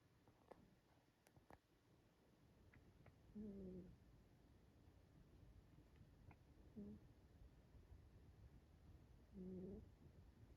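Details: Soft, brief snores about three seconds apart with faint clicks from Ellie, a cat napping; gentle, dainty snoring during sleep.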